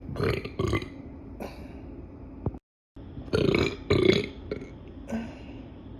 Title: #burp comp part 16!! After eating pizza 🍕 Enjoy!! #girlburpcompilation #burping